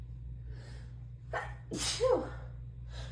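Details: Female with allergies that have been severe for weeks, in an allergic sneezing fit that leaves her dizzy; a sharp inhaled gasp followed by a forceful sneeze.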